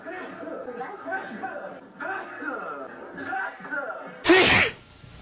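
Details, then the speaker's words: Celebrity sneezing, from a compilation of celebrities sneezing; says they are about to sneeze, then one loud, abrupt, ordinary sneeze. "A lot of my family members live Fine. Oh, I'm about to sneeze."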